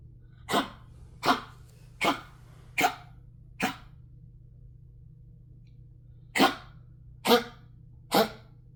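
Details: Coughing from a female dog: eight short, harsh coughs in two bursts of five and three, separated by a brief pause, over a low steady hum.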